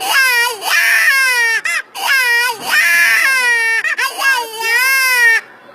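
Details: A baby cries in two long, high-pitched wailing bouts with brief catch-breaths between them: a typical infant cry.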